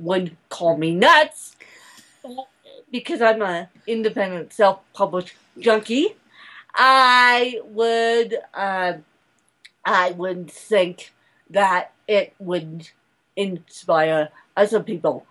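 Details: Adult woman speaking; dysarthria (cerebral palsy).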